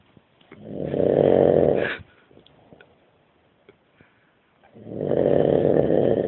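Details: Man snoring during sleep: two long, rough, rumbling snores with a quiet pause between; ordinary snoring.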